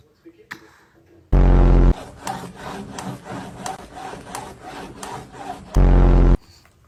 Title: Baby's funny teeth grinding#funny #funnyvideos #kids#fyp#child #cute #reaction #family #baby #Fam